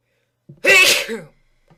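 A quick indrawn breath, then a single loud, explosive sneeze in a quiet room.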